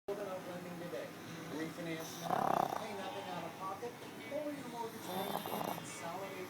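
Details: Two short, rough snoring bursts from two pugs sleeping head to head, partly masked by background voices.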